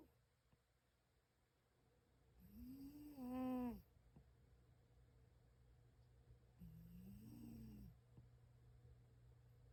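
Two loud, tonal, buzzing snores from a sleeping cat about four seconds apart, with quiet room hiss between.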